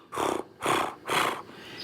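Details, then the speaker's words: A person vocally imitates a horse's roaring with three harsh, rasping breath sounds. The horse is a former racehorse retired at age 5 and a bleeder, with a paralysed throat flap that does not open fully when ridden. "So you'll hear in some of the videos of him being ridden, he does what we call, he roars, which sounds like"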